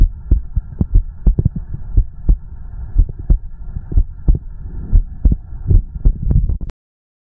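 Deep, muffled thumps of a heartbeat recorded close to the body, with a steady low hum and occasional soft gurgling underneath.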